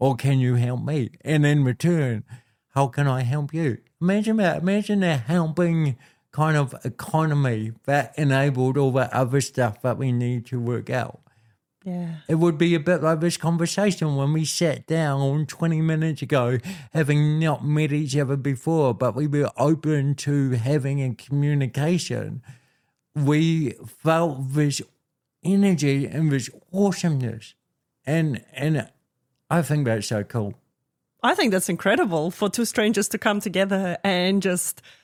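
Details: Adult man born with cerebral palsy affecting how messages travel around his body; told walking and talking would be his biggest challenges: dysarthria (cerebral palsy).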